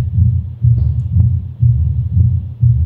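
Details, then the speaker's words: Mitral stenosis heard at the mitral area: loud first heart sound, audible second sound followed by an opening snap, and a low-pitched mid-diastolic rough rumbling murmur that grows louder toward the end of diastole. "First heart sound is loud and second heart sound is audible. There is an extra sound after second heart sound which is called opening snap. And there is a mid diastolic rough rumbling murmur which becomes louder at the end."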